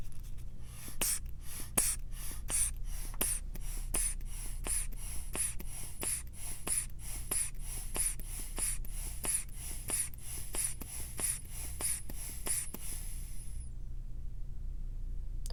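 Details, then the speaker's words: Steady rhythmic squeeze-bulb puffs, about 20 in a row, then a brief hiss and quiet, as a blood pressure cuff is inflated on the arm during a simulated back-to-school physical exam roleplay. "Do you care what arm I put the blood pressure strap on? Okay. So this one I can just actually slide onto your arm."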